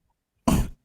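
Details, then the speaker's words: A single short, harsh, dry-sounding cough burst from an adult after near silence; the speaker says they have been coughing non-stop and their voice is affected: cough. "I've been coughing non-stop and it's I wasn't supposed to speak"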